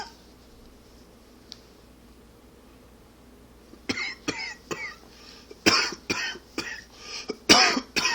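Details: Adult with allergy or smoking cough: after a few quiet seconds, a run of about eight harsh, hacking coughs in quick succession; smoker's cough.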